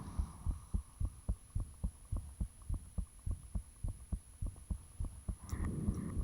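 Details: Self-recorded heartbeat with fan off, taken shortly after the heart began feeling unusually thumpy: fast, steady, clear thumps about 100 a minute over a low hum with scratchy noise near the end; valve and blood-rushing sounds reportedly audible.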